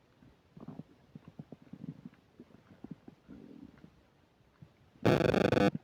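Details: While eating a burger and fish fries with self-described upset digestion, close new microphone picks up rapid gurgling and bubbling belly rumbles, then a brief burst of loud static; active bowel sounds (borborygmi).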